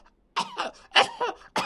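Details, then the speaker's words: Rapid run of short, harsh, barking coughs typical of croup, described as a seasonal illness of children aged 6 months to 3 years, often starting suddenly at night. "apart from that coup is a seasonal illness it affects children between the ages of 6 months and 3 years the main symptom of group is a barking"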